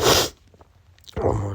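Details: Adult male with pollen allergy, congested nose: two forceful sneezes close together, separated by a near-silent gap; sneezing from allergic rhinitis.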